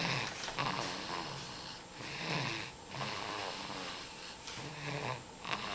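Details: Steady rhythmic rattling snores with each breath, roughly five in six seconds, heard as typical of a sleeping dog's snoring.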